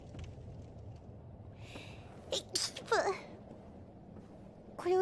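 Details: Streamer sneezing while playing a video game: a breathy in-breath, then a short series of sharp, voiced bursts over quiet background noise; sneeze.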